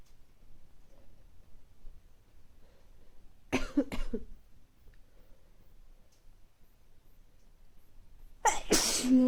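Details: Person with recurring mild colds over recent weeks, nose not very stuffy but sneezy: quiet room, a quick double sneeze midway, then a louder forceful sneeze; repeated sneezing with a common cold.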